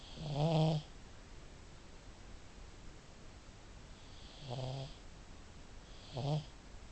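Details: A pet pug that snores really loud: three low, rattling snores while sleeping, separated by quiet pauses.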